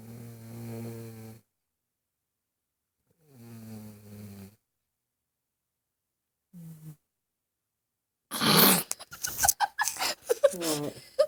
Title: Snoring grandma.